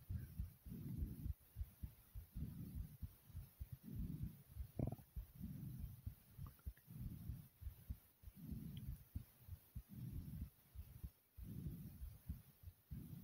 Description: my heart was thumping strongly after some exercise.